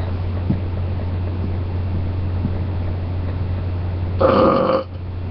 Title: face covered burps and shirtless